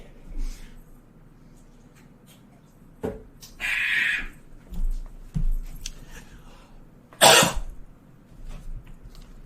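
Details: An adult man gives a few short dry coughs and clears his throat in a quiet small room; he denies it is a vape cough. Cough with throat clearing.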